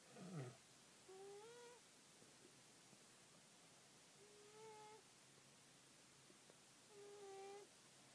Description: My cat snores!